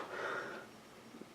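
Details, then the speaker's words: A single short, forceful real sneeze from an adult, though it sounded fake, followed by quiet room sound. "wellow that that sounded like a fake sneeze it was a real sneeze I I swear"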